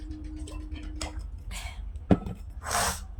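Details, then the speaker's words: Person with cold and dust allergy, sneezing all day, recurring every 2–3 days, triggered by dust, cold or water, takes Levo medicine; quiet breathing, short build-up, then a sharp explosive sneeze with hissing air burst; sneezing. "দেখতেই পেলে কি হাঁচলাম না আমি। এইরকম 2-3 দিন অন্তর আমার cold allergy আছে আর ডাস্ট অ্যালার্জি আছে।"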